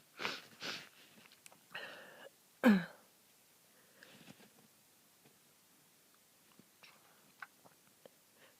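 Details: Rapid sneezing fit during a bad cold, after days stuck in bed: two short bursts, a breathy build-up, then one loud, forceful sneeze, followed by quiet sniffs; sneezing.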